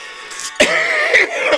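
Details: Adult man with an ongoing coughing attack that he likens to the "100-day" cough, bringing up phlegm: a single harsh cough burst, then a strained, rasping throat sound; a wet-sounding cough.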